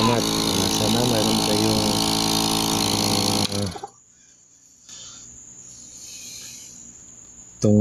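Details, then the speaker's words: Apex nebulizer (model 100200) compressor, repaired by greasing the stiff motor, now running: loud, rough motor drone like a small engine, then cutting off to a quiet room. "nilagyan ko lang ng grasa dito at saka Ayan medyo tumigas kasi pangang umikot Ayan gumana na siya mga guys"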